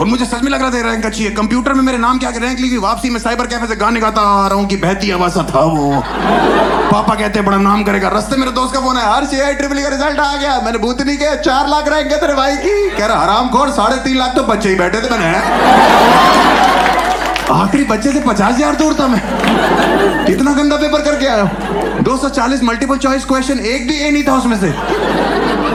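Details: Adult male speaker; normal fluent speech.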